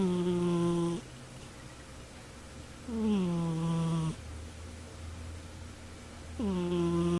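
Loud, tonal, buzzing snores from a sleeping cat, each lasting about a second, recurring roughly every three seconds in a quiet room.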